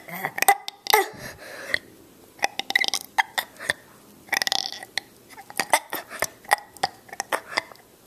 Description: 6 year old burping. First uploaded video so this is a test.